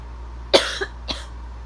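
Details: Two short dry coughs half a second apart over faint steady hum.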